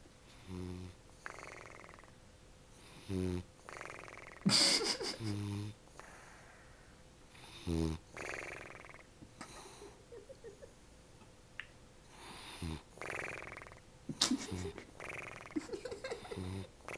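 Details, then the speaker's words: Percy, a flat-faced dog gone back to bed in the morning, snoring loudly with rattling snores and wheezy whistling on breathing out, described as unearthly and Three Stooges-like; background voices. "this is Percy snoring this is the best snoring we've ever heard from pery sounds like poey or something it sounds like one of the three stoes"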